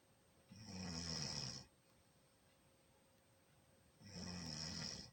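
Two loud, rough, rattling snores on breathing in, about three and a half seconds apart, with quiet between: ordinary snoring.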